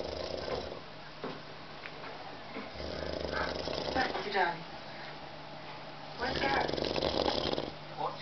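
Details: Snoring from a sleeping adult man after seven hours at the pub.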